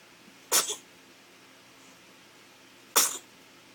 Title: Baby sneezes